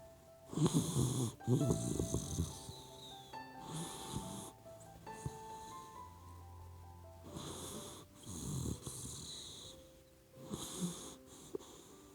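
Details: Soft, irregular snuffling snores and breathy puffs from a sleeping puppy dog, over background music: normal sleep snoring.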